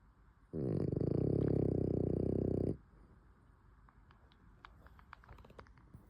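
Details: A French bulldog snoring.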